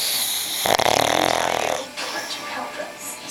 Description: This is my family's dog Avery snoring away on the couch- what a piggy.